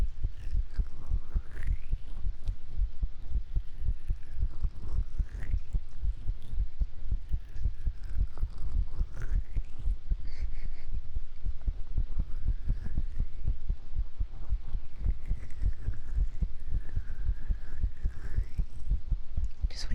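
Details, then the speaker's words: Heartbeat with bowel sounds heard with the chest against the microphone, after the streamer ate a sandwich: low, muffled heartbeat thumps, with gurgling stomach sounds rising and falling over them. "I guess that's how you know it's actually my heartbeat and not like a sound bite cuz you can hear my stomach too."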